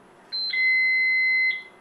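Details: Baxter infusion pump while entering a secondary rate of 150 mL/hour for a 50 mL piggyback bag: a steady, high-pitched electronic beep lasting about a second confirming the keypad entry; infusion pump keypad beep.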